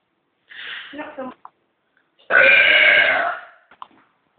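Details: Loud, sustained voiced burp lasting about a second after a brief voiced sound; burping.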